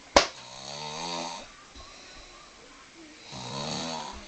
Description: yeah we could hear him over the tv so we recorded it just to prove to him that he doesn snore